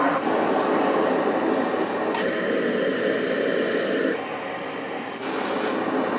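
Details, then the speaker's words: Cough assist machine running for an ALS patient, used with a suction device to bring thick mucus up into the throat for suctioning: steady loud airflow rush shifting between blowing and suction phases, with room noise. "and it sucks the the mucus out gets it up in the throat where you can get it with the suction device"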